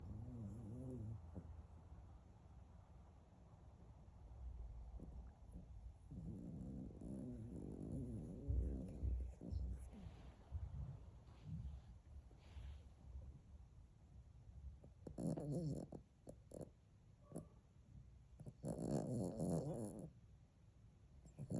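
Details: A sleeping dog snoring like a person: low, rumbling snores on several breaths, with room noise between them.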